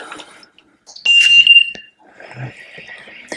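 A brief high electronic tone sounds as a home ventilator switches on, with handling noise around it.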